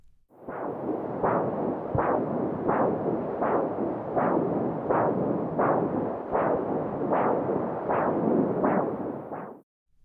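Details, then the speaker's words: Maternal arterial pulse picked up by a handheld fetal Doppler during pregnancy: rhythmic whooshing pulses at about 80 a minute, at the same pace as the mother's heartbeat. "maternal sounds your arterial sounds are at the same Pace as your heartbeat"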